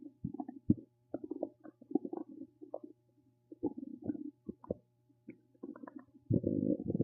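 Bursts of gurgling, bubbling and low rumbling with brief quiet gaps, ending in a longer growl: active stomach rumbling, ordinary bowel sounds.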